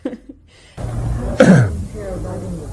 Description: coughing for over a minute